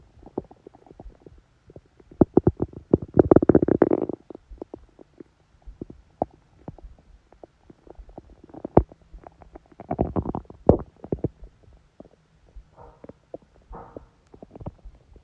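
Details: Irregular gurgling, popping stomach growls with a few longer rumbling bursts from a woman during her menstrual period, who feels only a dull ache: active bowel sounds.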